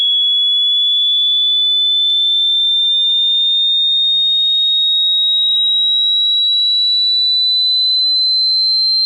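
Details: Online hearing test: a steady high-pitched pure tone with a faint lower tone sweeping down then up.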